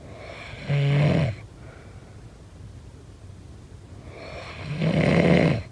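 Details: Snoring sound effect during sleep: two loud, buzzing snores about four seconds apart, with quiet breathing between.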